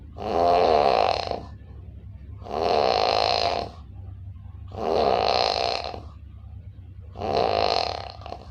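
Loud rattling snores on each breath in, about four in eight seconds, with quieter breathing out between them and a steady room hum.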